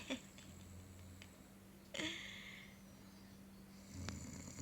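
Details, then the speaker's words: Father sleeping and snoring while the younger child laughs: rough, rattling snore on an in-breath between quieter breaths, with a steady room hum. "Bapaknya ngorok. Dia ketawa-ketawa apa adik ya?"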